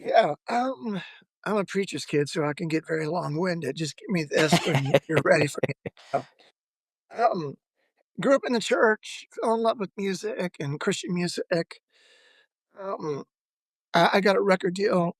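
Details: Adult male former professional lead singer with spasmodic dysphonia, onset of voice loss at the height of his career; says the disorder is audible in his voice.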